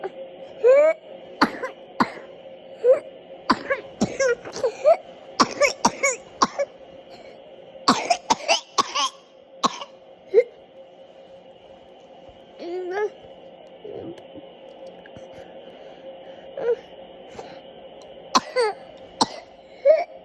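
Repeated short, sharp coughs and throat clearing in bursts, with steady room hum behind.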